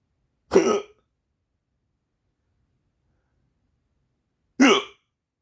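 Two abrupt voiced gulping sounds about four seconds apart in a quiet room, fitting repeated hiccups.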